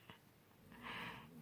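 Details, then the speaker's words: A dog snoring faintly in the background of a quiet room: breathy snore with a brief snort. "you guys hear that in the background that's like dogs snoring is my liberty snoring back there"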